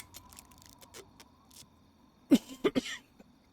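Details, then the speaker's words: Adult with frequent, sudden coughing fits during a gameplay recording: a quick run of three sharp, forceful coughs ending in a brief rough exhale; coughing fit. "and these coughing fits happen too often and too quickly for me to catch myself"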